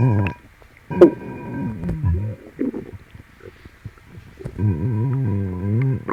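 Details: Stomach growling (borborygmi) in a person with an upset, painful stomach, likely from something eaten, while stroking the tummy clockwise: loud, gurgling, creaking growls with squeaky rising and falling tones.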